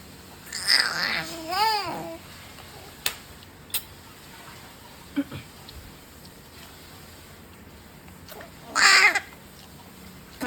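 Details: 4-month-old baby squealing during vocal play: high-pitched squeals and a swooping rising-falling voice with pauses of room noise, normal vocal play.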